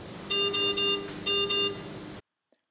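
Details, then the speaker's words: Anesthesia machine checkout procedure: test lung disconnected to check the ventilator disconnection alarm, two bursts of high repeating electronic beeps over room noise. "Now disconnect the test lamp. Check whether disconnection alarm is working."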